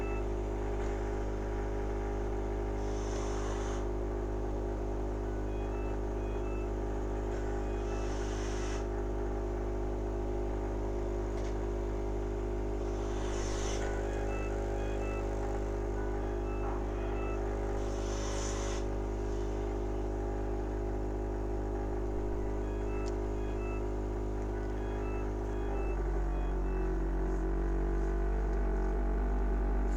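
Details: Cough assist (mechanical insufflation-exsufflation) used for a patient with ALS to clear phlegm from above the cuff: steady machine hum with rhythmic airflow bursts about every five seconds.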